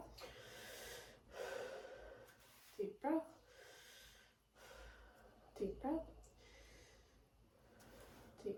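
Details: Stethoscope lung auscultation during repeated deep breaths on command: soft, even rushing breath sounds with brief voice between breaths. All lung fields clear, no crackles, no abnormalities; normal breath sounds.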